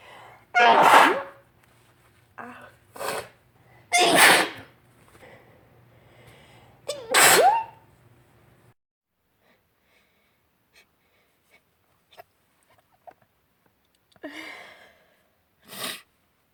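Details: About five loud sneezes with sharp inward breaths between, during spring allergies in March on a windy day after rain; the person says wind makes it worse and suspects pollen caught in their long hair. Allergic rhinitis sneezing.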